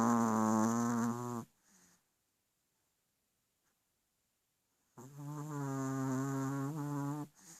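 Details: Snoring in a sleeping animal: two long, buzzing, rattling snores on the in-breath with a silent pause between them.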